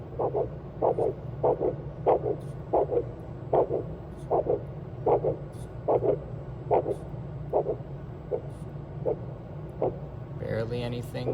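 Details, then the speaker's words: Ultrasound Doppler arterial pulse during slow inflation of a blood-flow-restriction cuff: rhythmic whooshing at about 75 a minute fading as pressure rises. Sounds are gone at about 310 mmHg and return near 300 mmHg, giving an arterial occlusion pressure of 310. "just a little bit more and i would say all the sounds are gone at around 310 if we let it just naturally fall a little bit when it gets to around 300 we start to hear those noises again"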